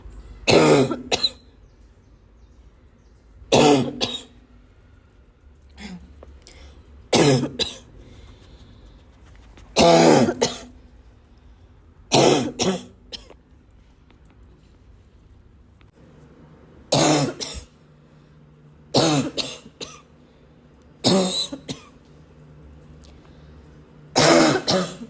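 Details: Wheezing barking cough: about nine harsh, barking coughs spaced several seconds apart, with a faint wheezy tone between some of them.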